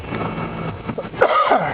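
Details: Adult with a lingering cough of about two weeks that comes and goes, recorded in a vehicle: a single short cough over a steady low engine hum.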